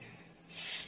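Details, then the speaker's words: A brief soft, airy hiss, as if sucking air inward, rising after a quiet start: a mouth imitation of normal vesicular breathing, described as soft, gentle and even, heard fully on inspiration and the first third of expiration. "Визикулярлы тыныс жұмшақ, нәзік біркелкі, дыбысын ішке сорып айтқан, деп"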